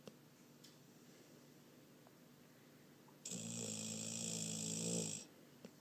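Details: Foster dog snoring while sleeping with her eyes open: a single rough, rattling snore of about two seconds against a quiet room.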